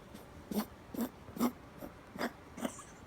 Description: 2 year old rescue Chihuahua / Miniature Pinscher with really bad Kennel Cough